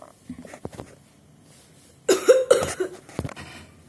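An acted adult cough: a couple of loud, harsh bursts after soft faint sounds, performed for comedy.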